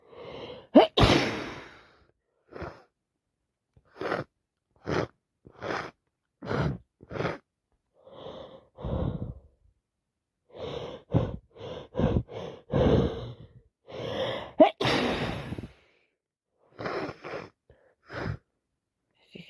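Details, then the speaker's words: Repeated sneezes with sharp inhaled gasps and short bursts from a person with a head cold, nose itching and dripping, worsening; sneeze. "Just need to rub my nose up against something. I need to sneeze again."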